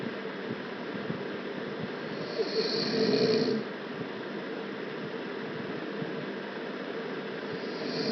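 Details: Young woman in deep sleep, snoring loud with her mouth open: a single loud, rough snore with open-mouth breathing noise over steady room hiss; ordinary snoring.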